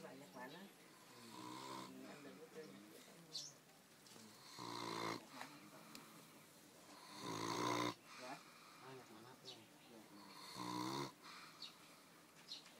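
Rough, buzzing snores about every three seconds, some with whistling, wheezy edges; a sleeping dog snoring steadily.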